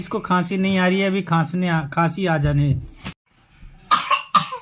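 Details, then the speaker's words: Young girl told to study makes drawn-out voiced sounds, then after a pause gives two short, deliberate coughs, acted to avoid studying; feigned cough. "दोस्तों इसकी खांसी शुरू हो गई है इधर देखो हेलो खांसी ए रही है लगता है"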